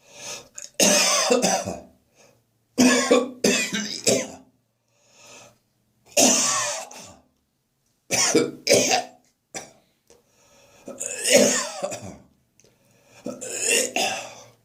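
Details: An adult coughing first thing in the morning after drinking too much beer the night before: repeated harsh coughing fits with retching and throat-clearing between them; cough with gagging.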